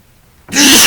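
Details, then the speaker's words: Adult man who had a few drinks sneezing while speaking to camera: a quiet pause, then one sudden loud explosive burst of air with a voiced tail, a single wet sneeze. "oh that was a wet one"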